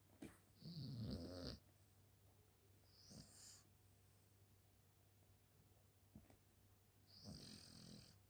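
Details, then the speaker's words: Sleeping dog gives three rough, rumbling breaths with a hissy edge over a quiet room hum: soft snoring, quieter than his usual loud snoring. "Well, he usually does it a lot louder than that. I mean, to the point where he'll keep you awake for the night time."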